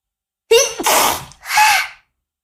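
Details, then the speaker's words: Young Chinese woman with allergy, nose sore from blowing it: a voiced intake rising into a loud wet sneeze, then a second sneeze burst in a quiet room. "我的鼻子都被擤鼻涕擤的痛了，在里面。我大概是，我操为什么啊？等一下，我要打喷嚏。"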